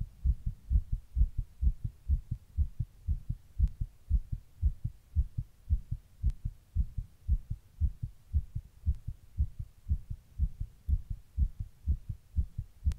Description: This is a recording of my heart sitting in 100 degree heat during a heatwave.